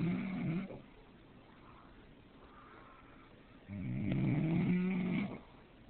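Two low, rough rumbling sounds separated by a quiet pause, in keeping with snoring.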